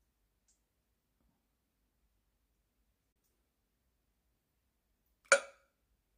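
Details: Awake at 2 a.m. after drinking water: near silence, then a single sharp, abrupt gulping click that fades quickly; hiccup.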